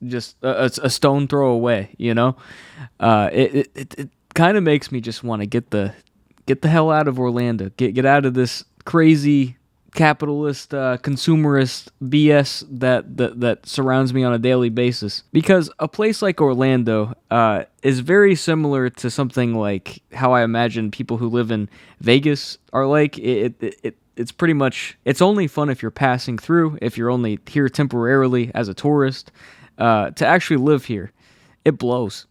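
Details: Adult male who has stuttered all his life since childhood, saw a specialist as a child, and says anxiety worsens it; stutters are left unedited in this recording; stuttering.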